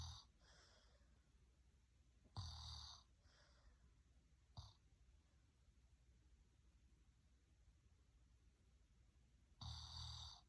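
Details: Irregular low, rough rumbling snoring bursts with breathy hiss during breaths, separated by quiet stretches over low background hum.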